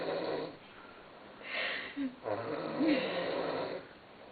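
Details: Adult man snoring loudly while asleep; an onlooker suspects sleep apnea. Loud, rough snores with a rattling, snorting quality on breathing in, separated by quieter pauses.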